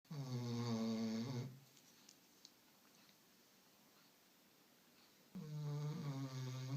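Two loud, vibrating, droning breaths separated by a long quiet pause: snoring in a sleeping dog.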